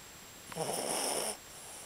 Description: capi sleeping and snoring